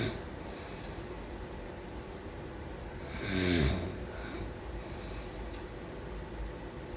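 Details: One low, vibrating snore during sleep in a quiet room with steady background noise; snoring.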